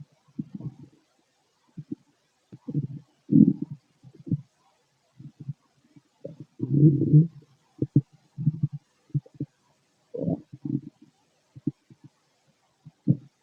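Irregular low gurgles and rumbles in short bursts with quiet gaps, typical of ordinary bowel sounds during digestion.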